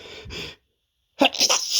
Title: big build up sneezes (m)